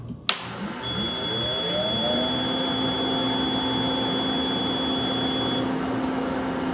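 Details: CAIRE Companion 5 stationary oxygen concentrator (up to 5 L/min) switched on: a click, then the motor winding up into a steady hum with a faint high tone.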